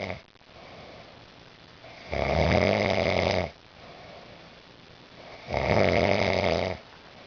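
Two loud rough snores on the in-breaths, with quieter breathing between, about 18 breaths a minute.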